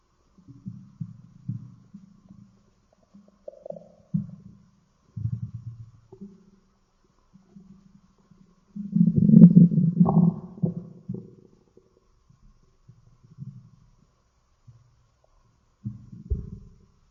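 Repeated low rumbling and gurgling growls, one long loud growl in the middle; ordinary stomach growling.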